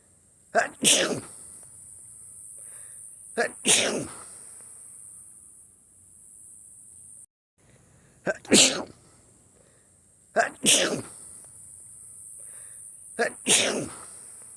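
Five sneezes, each a quick sharp intake followed by a loud burst of air, spaced a few seconds apart, with quiet room noise between.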